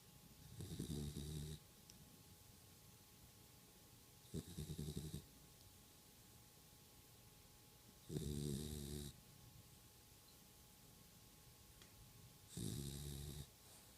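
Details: Dog (Stella) snoring while asleep: four regular low snores with a whistling edge, roughly four seconds apart, about 15 breaths a minute.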